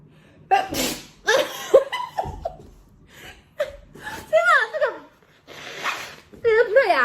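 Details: A young Taiwanese woman who says she has nasal allergies sneezes several times in a run after a nasal swab test. Sharp in-breaths and bits of laughing voice come between the sneezes. Repeated sneezing.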